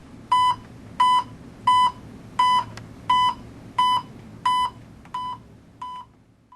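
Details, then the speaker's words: WHO pulse oximetry instruction for anaesthesia: regular electronic beeps about 87 a minute, the audible pulse beep sounding once per detected pulse in a quiet room; volume should never be silenced. "ajuste el volumen del bip audible del pulso a un nivel confortable nunca lo deje silencioso"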